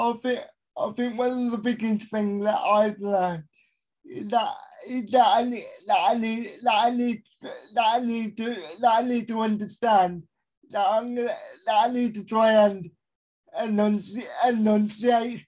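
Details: Adult male with a severe type of cerebral palsy; dysarthria in cerebral palsy.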